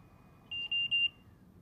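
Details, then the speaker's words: Philips Trilogy 100 portable non-invasive ventilator, start/stop button pressed to begin therapy: three short high-pitched beeps in quick succession, the audible start-up indicator that therapy has started. "the red and yellow alarm LEDs turn on momentarily and an audible indicator lets you know that therapy has started"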